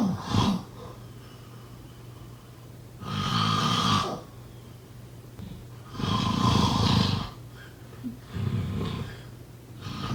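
Rough fluttering breaths, roughly three slow cycles in ten seconds, with a faint room hum: snoring.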